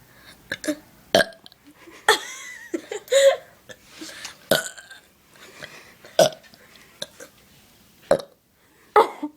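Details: A rapid run of repeated loud burps, about seven in nine seconds, with voiced belching between them; the sister burps habitually and says afterward that it hurt.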